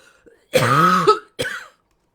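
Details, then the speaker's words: Adult speaker coughs mid-talk and apologises: a cough / throat clearing. "excuse me, I don't know if you can hear that cough, but pardon me."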